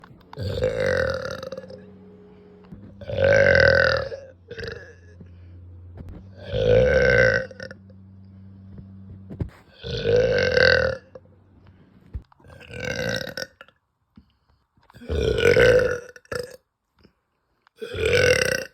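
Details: Woman's uncontrollable burping after eating, reportedly bloated and gassy: seven long, loud, voiced belches at irregular intervals, some with short trailing gulps.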